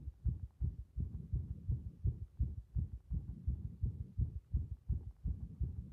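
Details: Heart sound recording with arrhythmia: low, muffled lub-dub heartbeats at about 85 per minute with an irregular rhythm.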